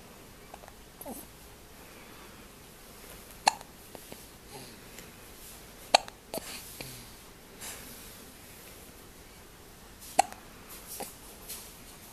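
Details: Newborn baby with hiccups: faint, sharp little catches recur irregularly in a quiet room, a few within twelve seconds.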